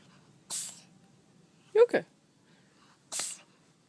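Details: Three short, sharp sneeze bursts, one a quick double, from a pet cat in a quiet room; repeated sneezing.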